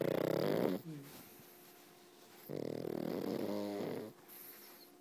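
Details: Pug snoring very loudly: rattling, fluttering snores with a buzzing, grunting quality on each breath.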